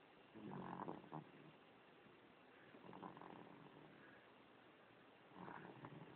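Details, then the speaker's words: A sleeping young boy (great-nephew) snoring softly: quiet, rough, fluttering breathing noises recurring about every two to three seconds. "Your little brother snoring, boy."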